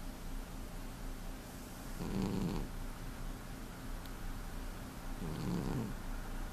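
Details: Heavy-sleeping cat that snores every day: two soft, low rumbling snores over steady background hiss, about 19 breaths a minute; snoring.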